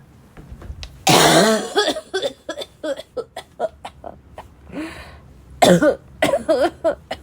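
An adult has a rapid fit of about fifteen short, harsh, voiced coughs with a barking edge.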